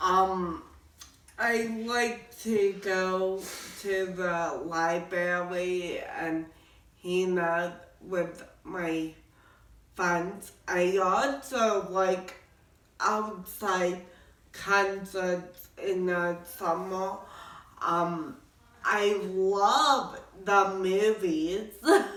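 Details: Adult woman born with cerebral palsy who walks with some difficulty without a wheelchair; speech in cerebral palsy.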